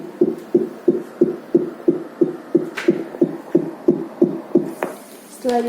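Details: Rapid, regular whooshing Doppler beats at about 182 per minute from a fetal heart simulator during fetal Doppler calibration testing; simulated fetal heart rate.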